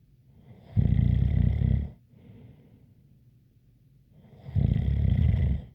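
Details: Loud, rough snores about four seconds apart with a faint whistle on top and quiet breathing out between them: snoring with a light whistle.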